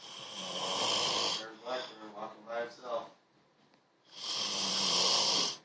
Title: Snoring army style